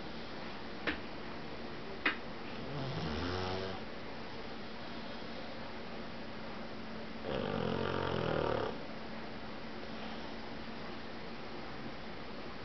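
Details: Pug dog snoring during a nap: two rattling, low snores over about twelve seconds, with a couple of sharp clicks early on in a quiet room.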